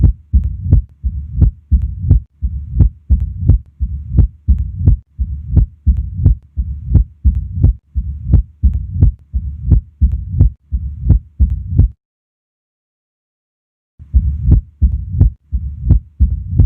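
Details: Heart auscultation at the apex: sharp snapping heart sounds with a low rumble between beats, the murmur of mitral stenosis.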